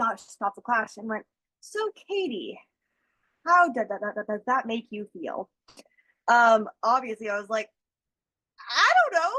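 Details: School-age girl who stutters, real person receiving speech therapy that teaches strategies such as slow speech; stuttering.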